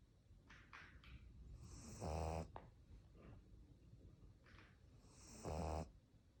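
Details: Pug snoring: two loud, low, rumbling snores a few seconds apart with softer breathing between; snoring.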